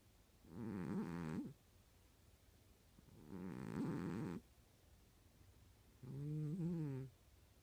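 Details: Cat snoring while asleep: three slow, rattling snores at about 20 a minute, each lasting roughly a second, with quiet gaps between.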